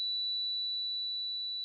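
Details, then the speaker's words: Simulated tinnitus: a steady, high-pitched pure ringing tone that stays unchanged, a phantom noise heard only by the patient. "Tinnitus is basically a fake noise that you hear that's not a noise in the real world, for example, a high pitched"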